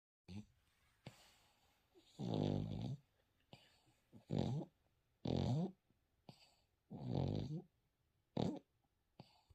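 Loud, rough snoring sounds in irregular bursts, about 20 a minute, each a low rattling breath in a quiet room; a dog snoring in sleep.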